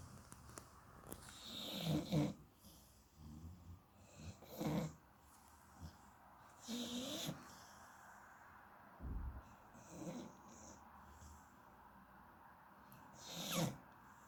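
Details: 8-year-old rescue Shar Pei dog asleep, snoring and twitching: irregular snorting snores with soft whistling breaths and brief snuffles over steady room noise; dog snoring.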